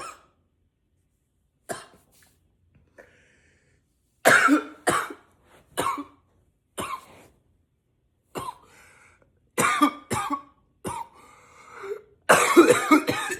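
About a dozen harsh cough bursts, singly and in short runs, with brief pauses between, ending in a longer coughing fit. Persistent cough.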